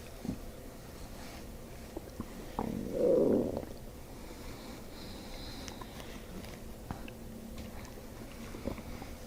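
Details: During a chiropractic session with hands on the belly a few inches above the navel and the patient belly breathing, a brief soft gurgling rumble over quiet room noise; ordinary bowel sounds (borborygmi).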